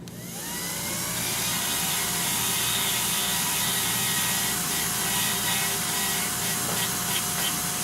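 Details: High-speed dental handpiece (bur 8847) spinning up and cutting a maxillary central incisor PFM crown preparation on a Kilgore typodont, following facial contour with extra incisal-third reduction; sustained whine with suction noise underneath.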